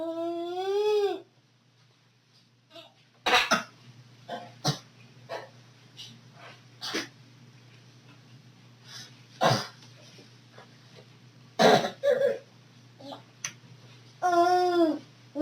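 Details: A dog (Arlo) gives about six short, sharp coughs after playing, with a brief whine at the start and end.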